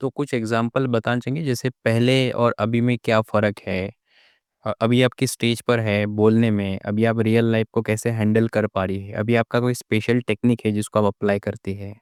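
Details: Adult male speaker; normal speech.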